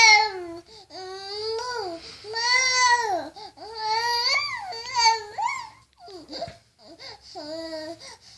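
Rising and falling wailing cries and fussy babbling from an infant in a small room. An ordinary infant cry; no sneeze is heard.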